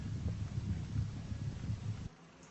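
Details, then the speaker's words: Soft, low rustling airflow through a stethoscope on the lower back at the 8th intercostal space, scapular line: normal vesicular breathing, equal on both sides, no adventitious sounds. "на основании аускультации повернитесь пожалуйста сюда мы можем сделать заключение что приускультации в симметричных точках выслушивается везикулярное дыхание одинаковое с обеих сторон побочных дыхательных шумов не выслушивается"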